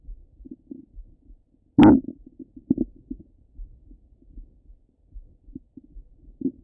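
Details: Stomach sounds heard through a stethoscope: quiet scattered gurgles and clicks with one louder bubbling gush; ordinary bowel sounds.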